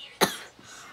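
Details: Single sharp, harsh cough from an adult who says they are sick, abrupt with a short fading tail.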